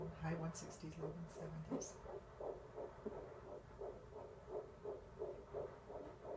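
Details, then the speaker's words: Fetal heartbeat at 11 weeks of pregnancy in a mother with type 1 diabetes, found with a handheld Doppler at the first exam: rapid, regular whooshing pulses around 170 a minute, a normal early-pregnancy rate. "she pulled out her Doppler and was able to show me my baby's heartbeat my husband was there too so we got to hear the heartbeat for the first time"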